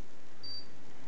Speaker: this is a demonstration of how to turn the pico1 peak flow meter on you push the button right there you'll see that it comes up with numbers from the test before but to do a new test you want to be sure that this is reading zero so I'm going to hit that button again twice